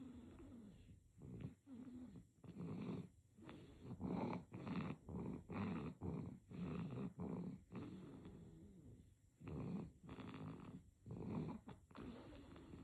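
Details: Sleeping baby snoring: soft, rapid, rhythmic snorting breaths with a light rattle.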